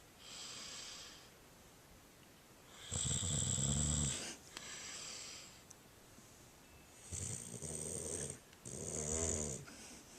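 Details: Snoring recorded during sleep: loud, rattling, low-pitched snores alternate with quieter airy breaths.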